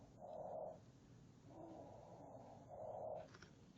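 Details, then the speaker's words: Simulated normal breath sounds from a SimMan patient simulator manikin, auscultated high on the upper chest: soft, rushing breath sounds in regular cycles. "So up on the high chest, you can hear the lung sounds."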